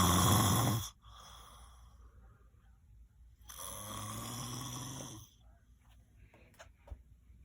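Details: Person who claims not to snore, recorded asleep: two loud, harsh snoring breaths over several seconds with a quiet pause between, slow breathing rate; snoring.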